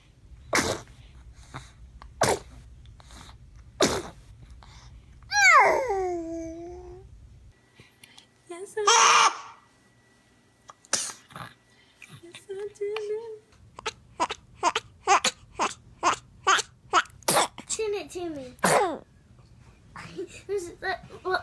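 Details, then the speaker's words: Baby girl sneezing with small, sharp, honk-like infant sneezes in a string, with squeals and babbling between, in a quiet room. "Can you honk the horn? Oh. She sneezes this honk like a 16-year-old."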